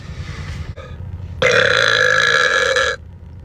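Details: Burping from a compilation: a short belch, then a long, loud, rumbling belch lasting over a second.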